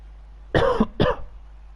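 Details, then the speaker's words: Adult commentator's cough from a winter cold with tickly, sore throat: two quick, loose coughs in close succession. "it's just one of those winter colds you know the old tickly throat sore throat cough got kids they're like gym factories those things so all of us have got it at home at the minute"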